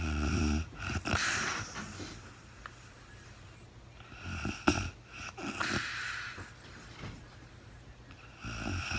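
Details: Real-time sleep recording of a woman snoring, no talking: irregular rough snoring and snorting breaths, about 14 a minute, with quieter gaps; snoring during sleep.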